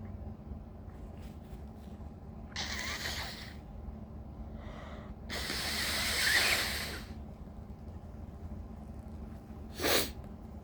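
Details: Tired person's sneezing fit with big buildups: noisy inward breaths building up, then forceful sneezes, over a low steady room hum; later followed by two intense coughing fits.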